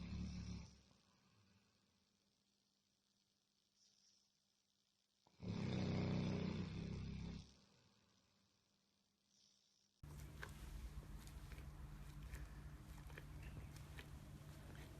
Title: Labrador sleeping and snoring compilation